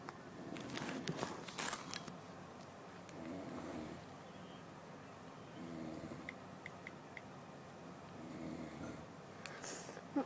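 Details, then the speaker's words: Snoring: faint, rhythmic, low rumbling snores recurring every few seconds in a quiet room with handling noises, which the speaker apologizes for as loud. "いびきうるさいけどごめんね。"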